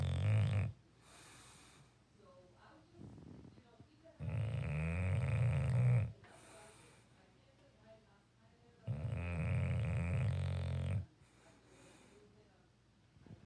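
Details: Sleeping bulldog snoring in the afternoon: loud, low rumbling snores in two long, drawn-out bursts with quieter breathing between; snoring.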